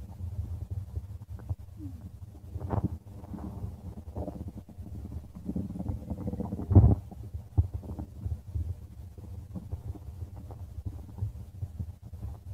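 Steady low rumbling with occasional gurgles and squeaks; ordinary stomach growling.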